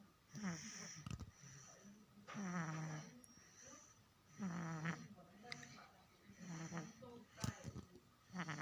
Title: snoring baby